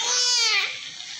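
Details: Newborn in severe emergency condition, holding breath, cries after oral suction clears airway secretions: a single strong, high cry with clear tone, trailing off; baby then stable without needing oxygen.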